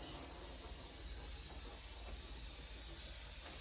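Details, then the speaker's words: Steady hissing, gurgling suction as sterile water is drawn through the catheter tubing to clear it after airway suctioning, in a simulated respiratory therapy demonstration of open and closed suctioning. "I am now going to use the sterile water that I poured earlier and suck some through the tube just to kind of clear it out."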